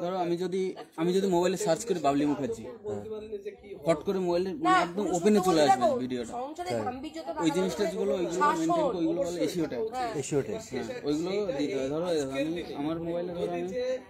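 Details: Adult speaker; normal speech.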